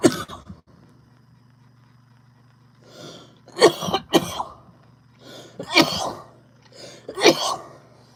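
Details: About five harsh, irregular coughing bursts with throat clearing from an adult after inhaling from a THCA vape cart, in a quiet room, followed by a laugh.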